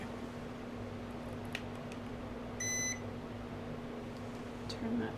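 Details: Single short electronic beep from a no-touch digital forehead thermometer during vital signs in a role-play ASMR head-to-toe exam, pulse oximeter on finger, over steady fan hum; reading about 97.9.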